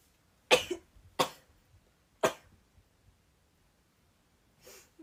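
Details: Three short, sharp bursts of air followed by a softer one from a Japanese woman during a live stream: sneezing.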